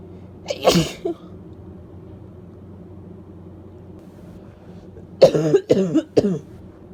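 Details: Female with a cold and barking cough: one sharp explosive sneeze, then after a pause a burst of three or four short sneezes or coughs in quick succession; sneezing.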